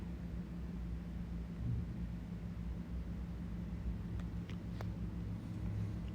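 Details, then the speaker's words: Stethoscope over the right femoral artery in a healthy patient during abdominal examination demonstration; quiet, steady low rumble with no whooshing bruit, normal finding. "If you suspect arterial insufficiency in leg, listen for bruits over the aorta, right iliac artery, and left iliac artery. Then identify and listen over right femoral artery,"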